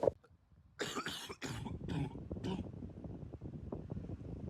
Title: Barking Cough Compilation 2